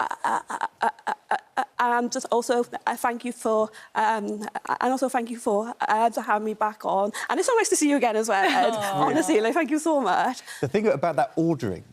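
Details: Stammer in a young woman, a stammer campaigner.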